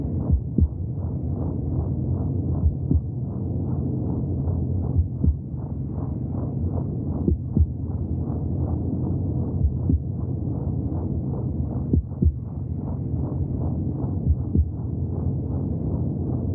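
Steady rapid whooshing pulses heard through the womb: a fetal heartbeat.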